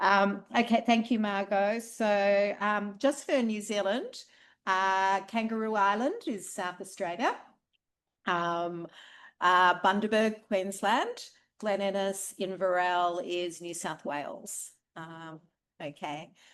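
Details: Adult woman speaking; ordinary speech.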